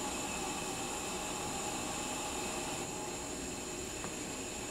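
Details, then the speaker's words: Covidien Puritan Bennett 980 mechanical ventilator pre-use short self-test (SST), with the patient wye capped: a steady loud hiss of gas from the high-pressure hose via the station outlet during the oxygen supply test. "Now it's running through the next test that it's doing, and what it's looking at is it's testing the oxygen. So getting gas to come in from the high pressure hose via the station outlet, and it's doing a test on the oxygen supply."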